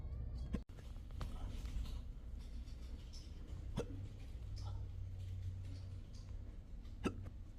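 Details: Adult with persistent intractable hiccups since 2015, recorded at a doctor's office: brief sharp hiccups recurring every few seconds against a steady room hum.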